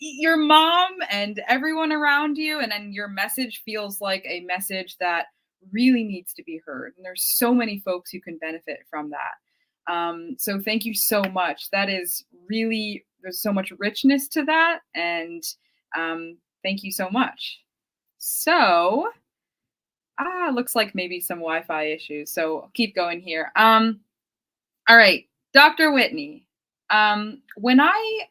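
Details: Adult woman speaking; normal speech.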